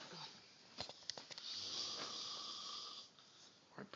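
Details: Loud snoring from an adult man asleep at 4:30 a.m. that poking and talking failed to stop: a hissing, whistling breath noise that rises and fades, with soft knocks and rustles around it.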